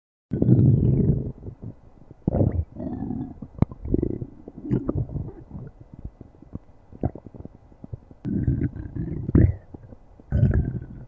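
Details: Stomach growling (borborygmi): low, rolling gurgles and growls in repeated bursts.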